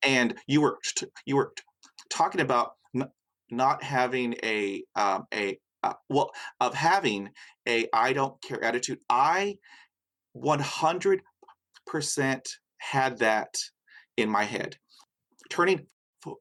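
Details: Adult male with severe stuttering that began at age five after a dog attack with a head injury, followed by a long period without speech; his mother also stuttered until age 14. Stuttering.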